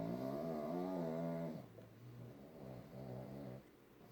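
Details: Two pugs sleeping and snoring together: loud, drawn-out rumbling snores from a small flat-faced dog, with a second quieter snore alongside. Noisy sleep breathing through narrowed airways.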